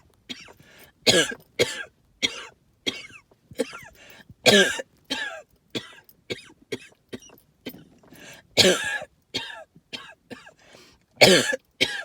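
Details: Person with suspected tree pollen and mold spore allergy: repeated short, harsh hacking coughs and throat-clearing bursts, with lots of wheezing and a whistling edge on some breaths; cough with wheeze.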